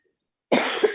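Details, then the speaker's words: Adult coughing during a live video chat; the speaker mentions lung problems, "long hauler" residual breathing problems, and being awake over 24 hours, then says "now I'm coughing": cough. "but well now I'm coughing"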